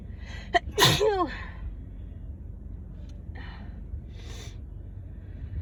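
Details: Person on day 3 or 4 of a head cold with constant sneezing, coughing and nose-blowing: a quick inward breath, one forceful sneeze, then softer sniffing breaths.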